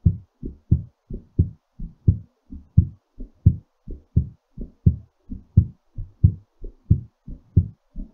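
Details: Strong, regular paired heart sounds at about 87 beats per minute: a normal heartbeat recovering after exercise.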